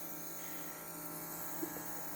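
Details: Compressor nebulizer running during a home inhalation for cough, filled with saline mixed 1:1 with an herbal aloe-propolis spray: a steady, even motor hum with a faint whine.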